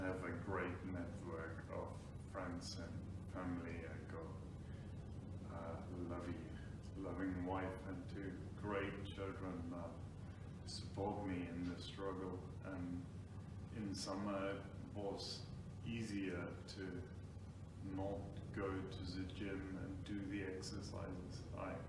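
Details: Man with Friedreich's ataxia diagnosed about five years earlier; ataxic dysarthria.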